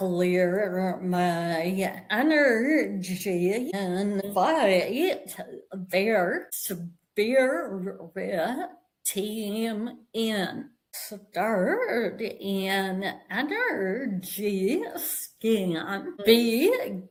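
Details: Vocal tremor in an adult woman, described as developing after decades of narcissistic abuse and trauma and manifesting in the body and nervous system; vocal tremor.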